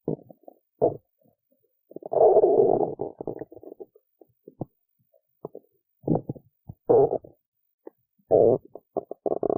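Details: Hunger stomach rumbling after skipping lunch: irregular gurgling rumbles and bubbling pops from the belly, ordinary hunger-related borborygmi.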